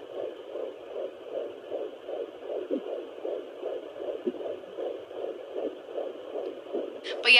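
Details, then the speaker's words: Rapid, regular whooshing beats, about 130-140 a minute, from a home Doppler used by the pregnant mother, strong and louder than when first heard, ending with a handling click; fetal heartbeat. "yeah, it was so strong and so nice, and it was just nice to hear, and it was a nice little birthday thing."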